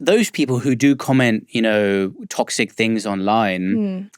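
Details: Adult speaker; ordinary speech.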